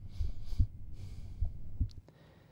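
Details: Soft paired low thumps heard with the stethoscope diaphragm at the lower left sternal edge during a cardiovascular exam; normal heart sounds.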